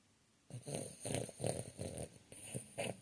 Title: Snoring and dreaming😴😇🛌